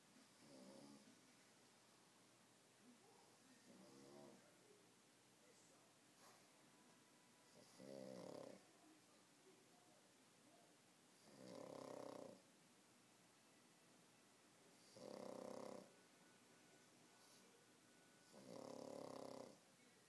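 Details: Sleeping pug snoring after a tiring day at the dog park: regular rasping, fluttering, throaty snores about every three to four seconds (about 16 a minute), with quiet pauses between them.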